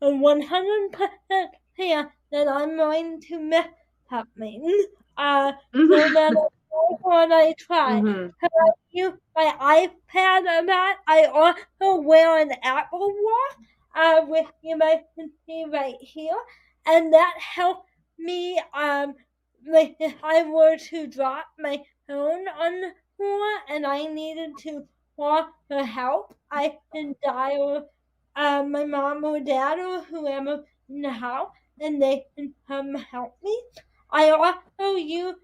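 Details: 22-year-old adult woman with spastic quadriplegic cerebral palsy affecting her whole body including speech, right side impaired, uses a walker or wheelchair: spastic dysarthria.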